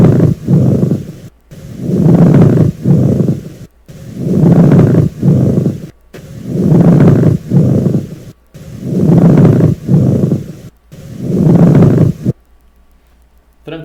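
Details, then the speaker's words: Teaching auscultation example: harsh creaking, grating sounds in both breath phases, about 25 cycles a minute, with a brief unrelated sound at the end: pleural friction rub. "ISO S que em alguns casos em algumas doenças em algumas patologias a gente vai ter esse atrito"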